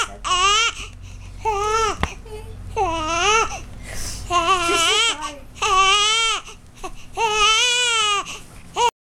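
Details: Loud, repeated rising-falling wails with breaths between from a baby girl crying steadily; she is hungry and sucking on the parent's arm; hunger cry.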